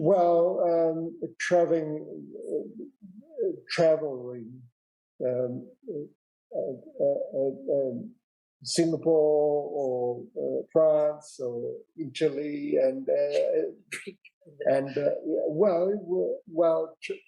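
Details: 65-year-old man with non-fluent aphasia after a big stroke 10 years earlier, also unable to write or spell; real, not acted; non-fluent aphasia.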